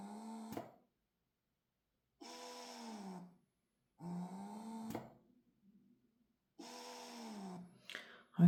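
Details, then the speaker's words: Repeated whirring motor cycles, each about a second long with short pauses, from a budget wearable breast pump on max expression during noise testing: average 34.6 dB, max 65.4 dB. "Now let's have a look at the Peru. This is one of the budget wearables in this range."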